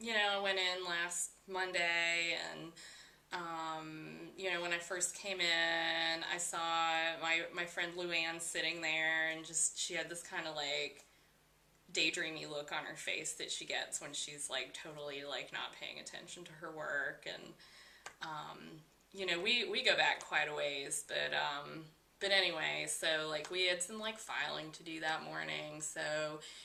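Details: Acted demonstration of circumstantial speech by a client: digressions into unnecessary details before reaching the central idea; mental status exam training example of thought process.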